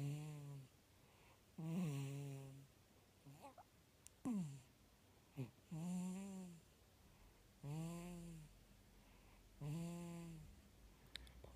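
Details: 4-month-old baby boy with a snotty nose, asleep; short tonal, whistling snores repeat about every two seconds, suggesting a congested, narrowed airway: snoring.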